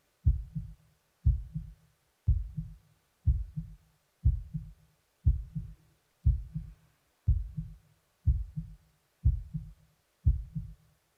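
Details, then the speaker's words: Normal heart sounds, real heartbeat recorded during a simulated ASMR annual check-up: steady, regular beat at about 60 a minute, clear low thumps, no added sounds, after slow breathing to slow a fast pulse. "Alright, your heartbeat is perfectly fine. There's nothing to worry about."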